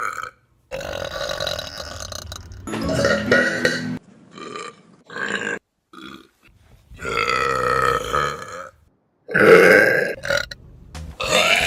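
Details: Compilation of burps taken from online videos: a series of loud, drawn-out voiced belches separated by short pauses; repeated burping, likely deliberate.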